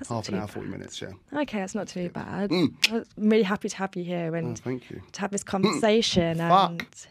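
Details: Adult woman speaking; fluent speech without tics.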